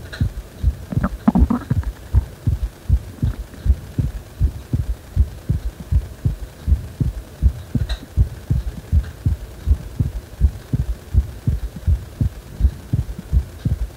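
Regular low thumping heartbeat at about 80 beats a minute, with a steady hum and a few faint scrapes in the background.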